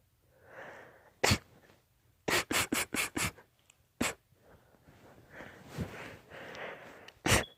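A run of about seven sharp, explosive sneezes, four in quick succession, with snuffly breathing between them: a sneezing fit.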